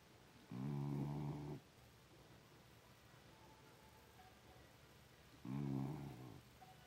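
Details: A small pit bull dog snoring: two long, low, rattling snores about five seconds apart, with quiet room noise between; ordinary snoring.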